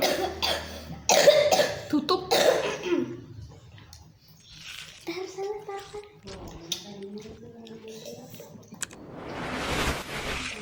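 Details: Coughing fit from eating very spicy rujak (pineapple, rose apple, ambarella, guava): a run of forceful, rough coughs, then a short quiet spell with voices.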